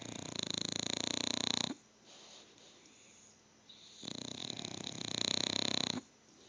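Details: Candy and Barbie snoring together while sleeping side by side on the Cuddler.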